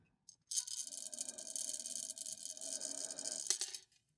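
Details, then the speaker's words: Steady hissing rush of air lasting about three seconds with a faint rattle as an adult takes a sustained breath in through an incentive spirometer, controlling rate and duration of inhalation. "So I'm in control of how much air I intake by how fast I breathe in and how long I breathe in for."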